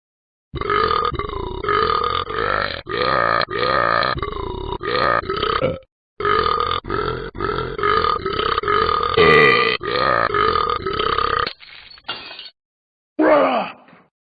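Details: Ben burping: long, loud, voiced belches one after another for about eleven seconds, then a few softer ones trailing off.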